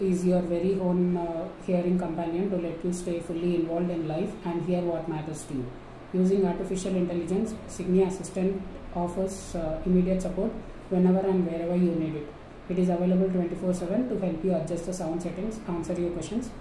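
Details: Male client after voice therapy for puberphonia, reading aloud; he reports achieving his complete male voice, and the clinician calls it a normal male voice.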